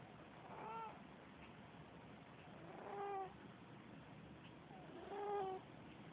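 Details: Leo the cat snoring in deep sleep: three squeaky, whistling snore tones recurring at a steady breathing rhythm, about 26 a minute, against faint room hiss.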